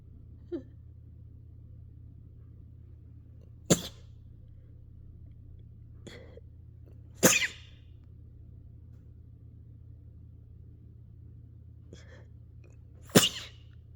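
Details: Several small, quiet, unsatisfying sneezes and a few sharper ones a few seconds apart, made while breathing out before sneezing to try for rapid-fire sneezes; sneeze.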